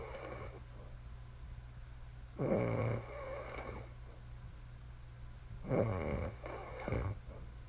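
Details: Loud, rough, rattling snores on each breath in a quiet room from a sleeping wife; ordinary loud snoring.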